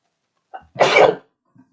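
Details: Dubbed animated series character sneezes because of a stuffed-up nose: short inhaled catch then one loud explosive sneeze; simulated sneezing.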